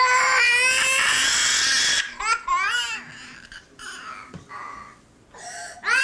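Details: Baby crying, filmed by the father rather than consoled: loud high wails breaking into softer whimpers and fussing in a small room; an ordinary infant cry.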